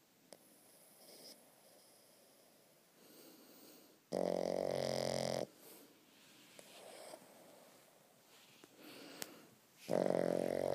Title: Boston terrier: squished and snoring